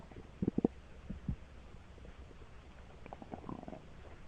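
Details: Stomach rumbling (borborygmi): low gurgling bubbles and short rumbles over steady background hiss.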